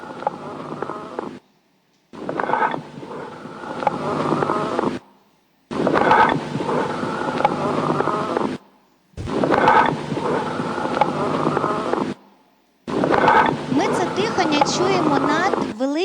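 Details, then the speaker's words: Amphoric breathing in a pulmonology teaching lecture on auscultation: loud, hollow, resonant breath sounds like blowing across a bottle's mouth, about 17 breaths a minute, heard over large cavities (caverns) of lung breakdown. "Зараз я вам трошки розшифрую, можна включати. Перше – це є амфоричне дихання."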